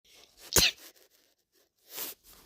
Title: my cute sneezes